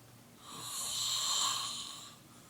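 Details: A single drawn-out, hissing, rasping snore lasting about a second and a half from a sleeping adult man in a quiet room.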